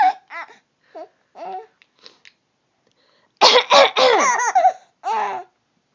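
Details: A young child giggles softly, then breaks into a run of louder coughing laughs that end in one more burst: cough with laughter.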